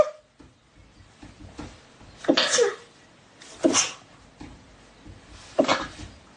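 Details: Three short, sharp sneezes in a small room, acted in a skit by a person with a runny nose.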